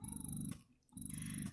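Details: Spectra S2 Plus electric breast pump running: low pulsing motor rumble with brief pauses between cycles.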